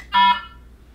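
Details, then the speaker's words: Air detect alarm: a single short electronic tone from the Aquadex SmartFlow ultrafiltration system, signalling air in the line, shown in fluid overload therapy troubleshooting training. "air detect may occur press silence"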